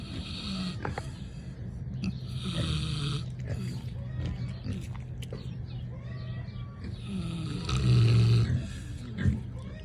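Low rumbling, grunting snores with snorty breaths, repeating over several breaths; a pig snoring.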